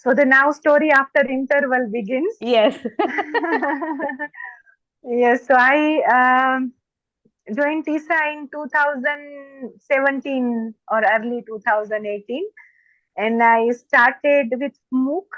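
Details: Stammering (stuttering) in an adult woman who reports stammering more when excited.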